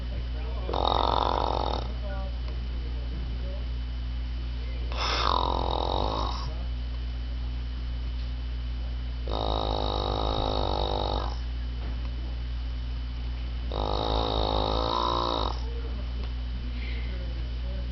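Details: Loud, rattling snores recurring about every four to five seconds, roughly 14 a minute, over a steady hum, from a woman described as having an airway obstruction from a bee-sting allergic reaction.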